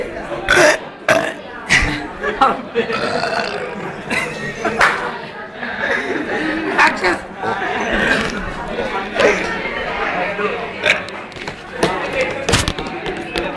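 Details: Several loud, drawn-out voluntary belches from classmates over busy background chatter and laughter; burping.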